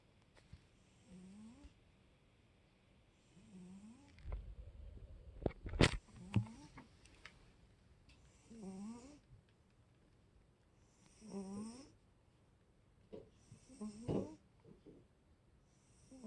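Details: Soft, regular snuffling snores from a sleeping cat, about five breaths in sixteen seconds, with brief rustling and a knock; ordinary sleep snoring.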